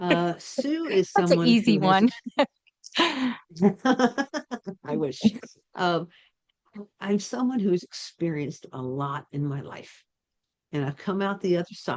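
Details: Adult woman speaking; ordinary speech.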